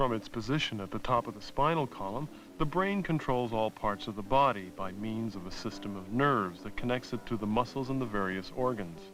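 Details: Adult male narrator; normal speech.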